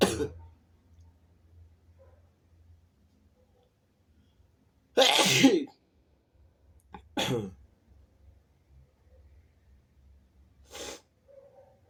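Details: Person lying in bed sneezing repeatedly, with a dog present that seems to dislike it: several sharp, explosive sneezes spaced through near-silence in a quiet room.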